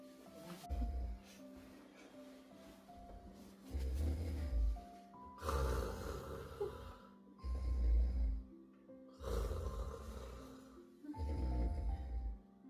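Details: Husband sleeping, snoring: loud, rough, low snores repeating every few seconds from a sleeping adult man, with music playing behind.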